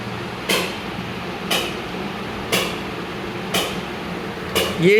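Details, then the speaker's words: Sharp, regular clicking shock-wave pulses at about 60 per minute over room hum, during an ESWL lithotripsy session. The patient lies resting, with an 11 mm stone in the left kidney lower pole that appears soft and possibly uric acid. "तो patient लेटा हुआ है आराम से। इसका लिथोपसी session चल रहा है।"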